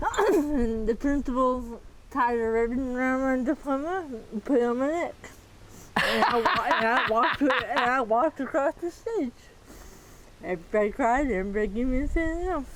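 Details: Dysarthria in a 40-year-old woman with moderate athetoid cerebral palsy, quadriplegia with moderate to severe physical involvement, GMFCS level 3/4; speech may be hard to understand.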